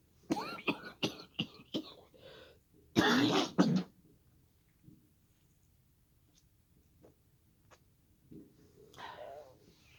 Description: smoke from fireworks celebrations made me choke really bad today so i decided not to be lazy and upload this right away instead of leaving it ro sit i have hundreds of clips i just dont upload